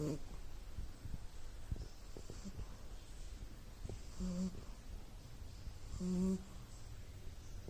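Faint breathing with two short, humming, whistly snores about two seconds apart against room noise: a sleeping puppy snoring.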